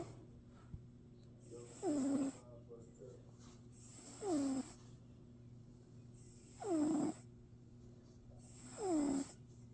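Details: Cat snoring: four short noisy breaths, each ending in a falling squeaky whistle, about 25 per minute; snoring.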